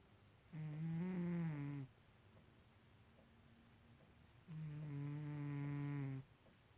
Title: My cat Ronnie snoring loudly